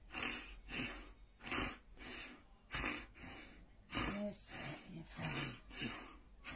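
Irregular heavy snorting and gasping breaths, with occasional vocal sounds, during a seizure.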